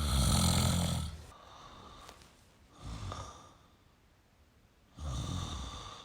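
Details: Snoring in a sleeping male: loud, rough snoring on the in-breath with quieter breaths between.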